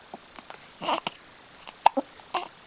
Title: hiccups